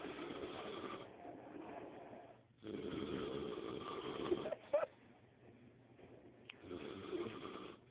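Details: Rough, rattling breathing sounds in long bursts with short pauses between them, in a quiet room; loud snoring.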